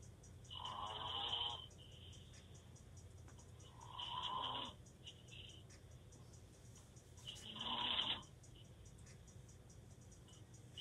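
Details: Boyfriend asleep, snoring with his mouth open: three rasping snores, about one every 3.5 seconds, over a steady room hum; loud open-mouth snoring.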